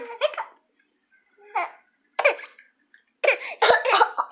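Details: Infant boy almost 5 months old, teething, gives several short voiced cough-like bursts with pauses; judged a normal voluntary fake cough for attention, started when daddy came home.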